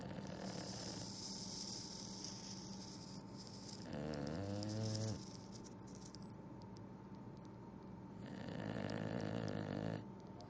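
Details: English Bulldog asleep and tired after exploring and eating ice: rattling, snuffling snores, two louder breaths over ten seconds, with noisy airflow between them.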